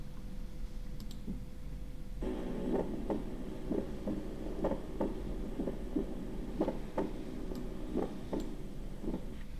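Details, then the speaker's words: Regular heart sounds near 63 a minute with a split first heart sound (S1 splitting), normal in many patients, thought due to mitral closure followed by an aortic ejection sound. "This was split first heart sound. Okay, this was S1 splitting. This S1 splitting is normal."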